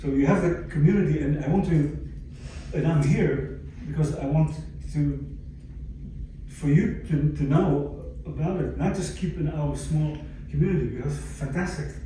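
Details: Aphasia in an adult stroke survivor, following a stroke about 11 years earlier; aphasia.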